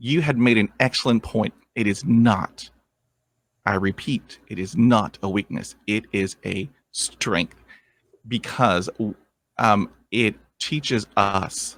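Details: 23-year-old man with lifelong stuttering, first vividly remembered around age seven, struggled through school; has had speech therapy and an intensive fluency program; real adult stuttering.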